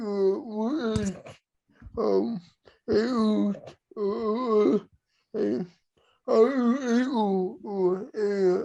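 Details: Dysarthria in cerebral palsy: male host with cerebral palsy who struggles to communicate verbally and has used an iPad to communicate; this stretch is probably him speaking.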